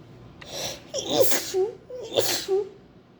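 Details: Sneezing, possibly allergic per hashtags: two loud, voiced sneezes, each with a sharp in-breath then an explosive 'ah-choo' burst.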